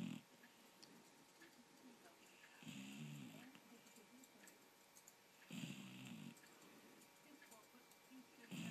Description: Buddy the Golden Retriever fast asleep and snoring at four months old...